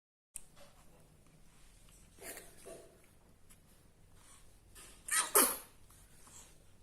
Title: cute adorable baby's sneezeing 🤧 😘 | cute small baby's funny baby video 😂 | #shorts #babylovers 👶